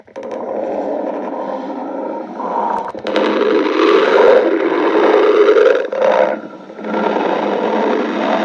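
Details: Stomach growling (borborygmi).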